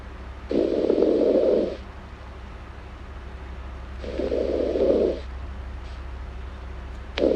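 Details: Female snoring in an ASMR recording: long, rough, buzzing snores on the inward breath, several seconds apart, over a steady low room hum.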